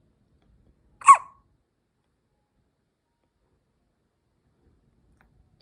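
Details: Hiccup from a 9-day-old newborn: a single short, sharp hiccup in an otherwise silent room.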